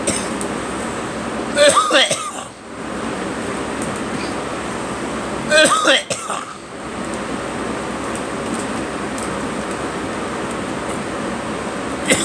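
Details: Two short coughing bursts over steady loud vehicle or train rumble.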